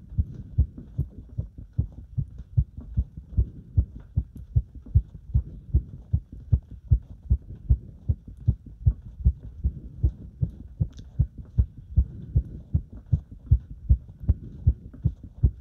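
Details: Heart sounds recorded during step-up exercise: fast, regular, strong heartbeats at roughly 150 a minute; a normal heart speeding up with exercise.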